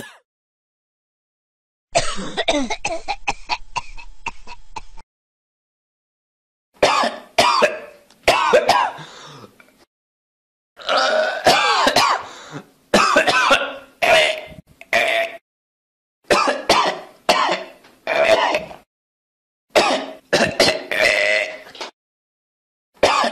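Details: Sample of a human cough: repeated bouts of short, harsh adult coughs with a throat-clearing quality, in clusters with pauses between.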